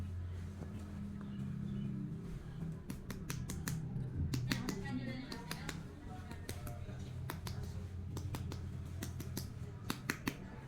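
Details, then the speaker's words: Finger percussion over the abdomen, moving downward from dull to tympanic note during a head-to-toe exam; sharp, hollow taps with the normal tympanic abdominal sound; tympany. "untuk ini perpusing ini biasanya kalau di area perut itu adalah bunypani kemudian kita perus yaitu dengan cara dari sini ke bawah Dari bunyi reduk ke timpani"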